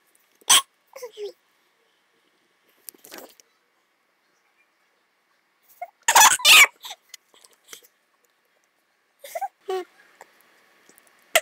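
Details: A female ("she") has hiccups: sharp, abrupt vocal catches at irregular intervals separated by quiet pauses.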